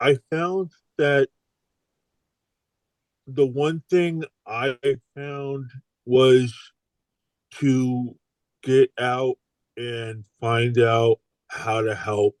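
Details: Adult male stroke survivor with aphasia following stroke; aphasia.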